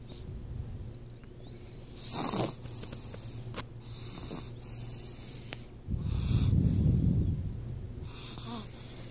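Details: A sleeping baby snoring: soft, low snoring breaths with a louder snoring breath near the end, over quiet room noise; infant snoring.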